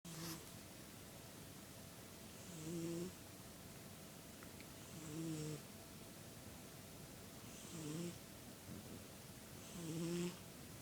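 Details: Soft, regular snores from a sleeping orange cat, one with each breath about every two and a half seconds over steady room noise: ordinary snoring.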